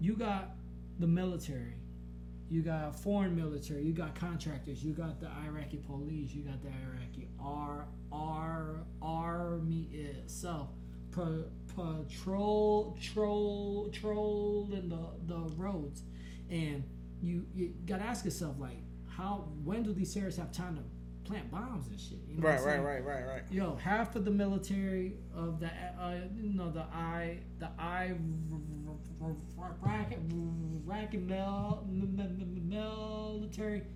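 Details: Man who has stuttered since growing up, much worse after blast-wave brain injury during military deployment; he stutters in conversation but not when rapping; stuttering.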